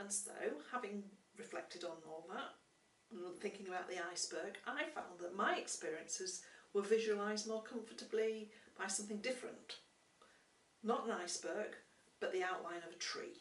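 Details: Adult woman speaking; typical speech.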